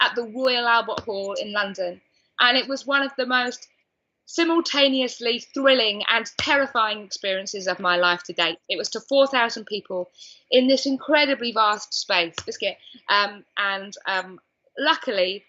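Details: Adult woman diagnosed with Tourette syndrome at age 20, with an involuntary vocal tic 'biscuit' during speech; vocal tic (Tourette syndrome).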